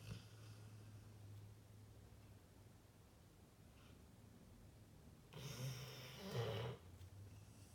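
Low, rumbling snoring from a sleeping dog, with a louder snorting breath toward the end.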